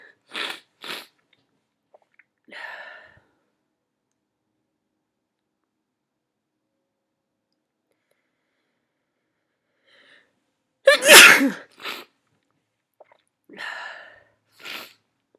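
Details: Sneezy, tired person: several short sniffs and one loud, explosive sneeze followed by more sniffles; repeated sneezing with a runny nose.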